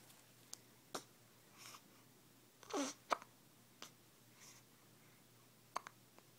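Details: Newborn with hiccups: repeated short, sharp catches of breath with a soft whimper between them.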